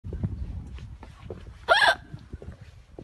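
One abrupt, squeaky gulping sound over background voices and rumble, fitting a hiccup.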